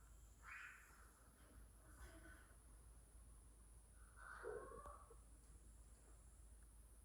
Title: Sun Conure parrot snoring while sleeping | JC118